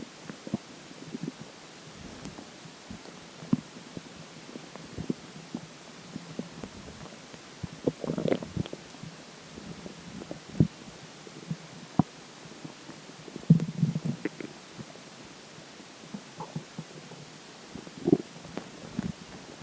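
Soft, scattered gurgles and clicks over a quiet background, ordinary stomach gurgling, here after drinking water.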